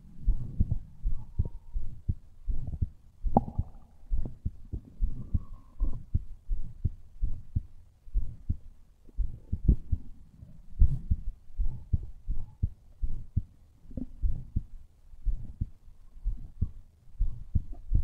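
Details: A person's own heartbeat recorded against the chest: rapid, somewhat uneven low thumps of roughly 130 beats a minute with rubbing noise; a fast heartbeat.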